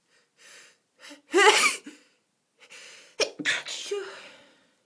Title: Sneeze attacks